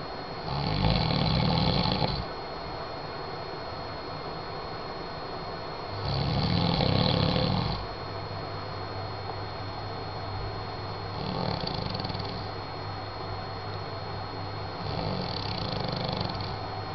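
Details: Man snoring in sleep: four loud, low, rumbling snores on breathing in, about 14 a minute, with a steady high whine in the background.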